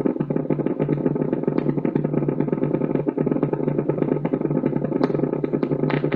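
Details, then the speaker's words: Normal needle EMG on loudspeaker: dense crackling and thumping motor unit potentials, with full recruitment as the patient applies more force and the screen fills with many motor units. "also try to evaluate the recruitment pattern at the end of the video when the patient is asked to apply a bit more force and the screen fills with a large number of"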